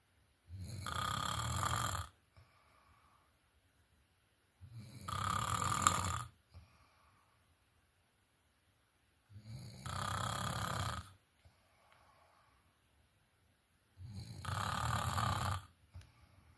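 Four loud, rough snores about 4.5 seconds apart, roughly 13 a minute, with quiet exhalations between; ordinary snoring during sleep.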